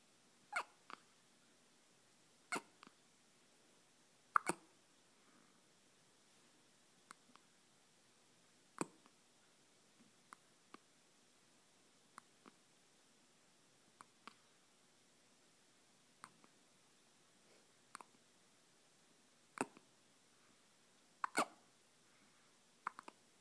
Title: Teddy Hiccups